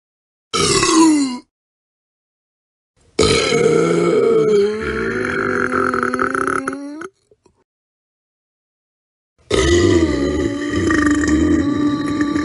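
Three loud, drawn-out belches in a row, the middle one longest, with silence between them. Burping from a sound-effect pack.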